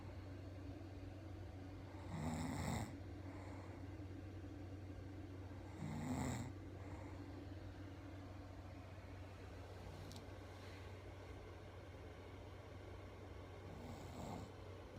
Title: My Wife says she Doesn’t snore!!! Proof that’s not true!!